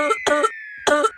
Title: चोरी करते समय खांसी आ गया comedy video 😂😂